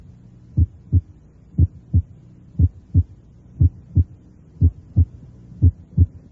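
Simulated regular heart sounds about 60 a minute; a faint low sound before the first sound fades under firm bell pressure: atrial fourth heart sound.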